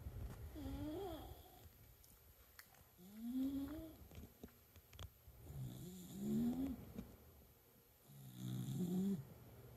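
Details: Schnoodle dog asleep: four whistling, squeaky snores with a low rattle beneath, about 23 breaths a minute; owner jokes of a valve problem; snoring.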